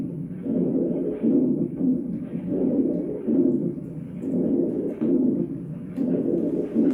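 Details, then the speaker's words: Low-pitched, snoring-like rumbling sounds repeating with the breathing cycles, deeper and graver than wheezing: rhonchi, played as a lung sound example in a pediatric cardiorespiratory rehabilitation class. "ese sí está bien. O sea, se escucha mejor, porque se dan cuenta que es un poco más grave que la sibilancia."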